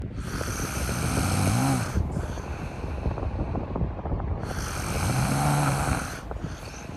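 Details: Sleeping cat: two slow, rough breaths, each with a low fluttering rumble, heard through wind-like noise; snoring.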